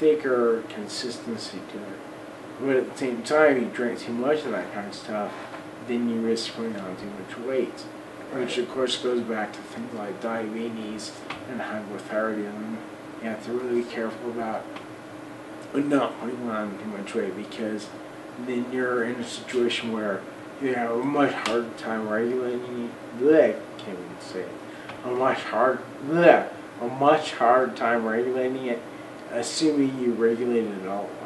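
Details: Man of about 40 with Friedreich's ataxia, electric wheelchair user; voice worse than 10-12 years ago, talking more of a struggle and much harder over the last 6 months or so; ataxic dysarthria.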